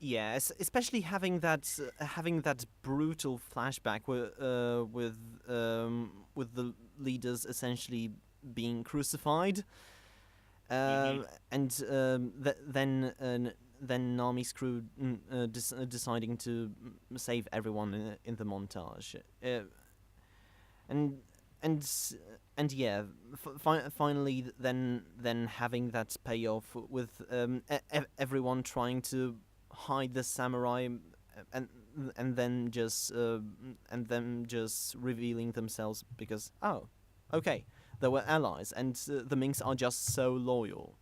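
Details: Stuttering in a male podcast host who describes himself as a stammerer, speaking in a live-streamed English podcast.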